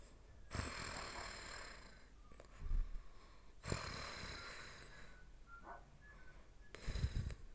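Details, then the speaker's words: Sleeping dog snoring: slow, regular noisy breaths, about three in seven seconds, with snorting inhalations; ordinary snoring. "Арни ты так на небо попадёшь Арни Прекрати так храпеть"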